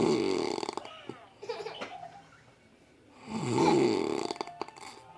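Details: Adult man deeply asleep after hard work and heavy drinking: very loud, harsh, fluttering open-mouthed snores on breathing in, separated by quiet pauses.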